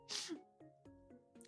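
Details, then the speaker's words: A VTuber attempts a sneeze that won't come out: a sharp, breathy sneeze-like burst that stops short, followed by faint catches, over steady background music; an aborted sneeze. "아, 실패했습니다. 제 책기를 너무 하고 싶었는데 제책기가 안 나와."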